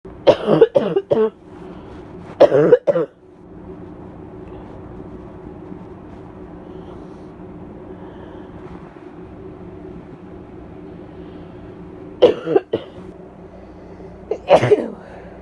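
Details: Four short bouts of harsh, barking coughs from an adult female with bronchitis, over a steady engine-like drone: barking cough.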